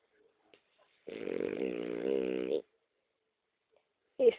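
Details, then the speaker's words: Sleepy pet dog (female) snoring while asleep on the owner's bed in the morning; snoring. "está dormiendo se llama charla una perra muy dormilona le gusta"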